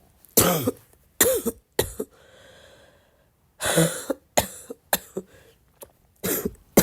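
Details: Person still sick with a barking cough: roughly seven to eight repeated harsh coughs in several bursts with a throat-clearing quality, in a quiet room.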